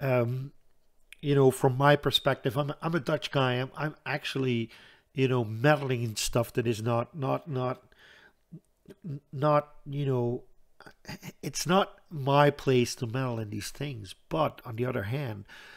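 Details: Stuttering in an adult Dutch man who says he stutters audibly all the time, with a stutter in which he hangs up between his words; word repetitions in this stretch.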